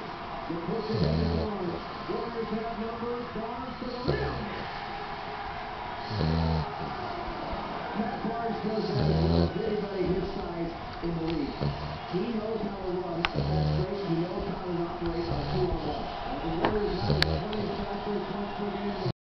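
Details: Sleeping dog snoring: low rumbling snores roughly every two to three seconds, about 20 to 25 a minute, under steady background voices.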